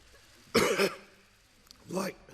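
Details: Adult man, Australian Treasurer, gives a few harsh, voiced coughs with quiet pauses between while pausing an economic address to parliament; coughing fit that briefly cost his voice; later COVID-19 test negative.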